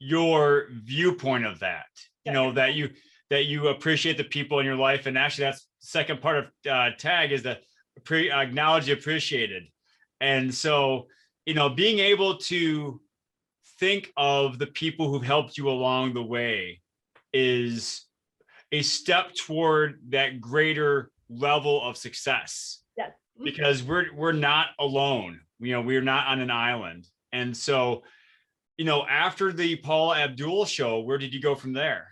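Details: Adult speakers in conversation; ordinary speech.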